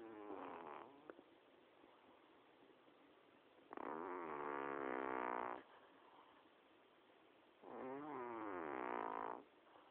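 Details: Sleeping cat snoring: buzzy, fluttering snores, about three in ten seconds, with quiet breathing between.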